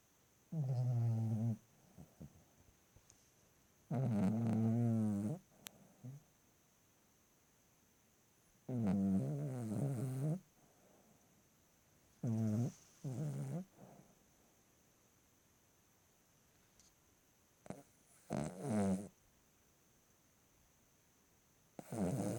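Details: 2-year-old female ruby Cavalier King Charles Spaniel snoring while asleep at night: steady rumbling snores roughly every four seconds with quiet pauses between.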